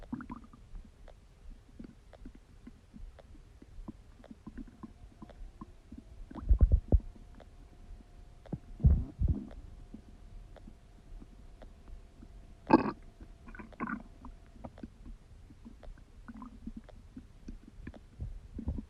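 Quiet background with scattered gurgles and a few louder rumbling squelches; normal bowel sounds of digestion.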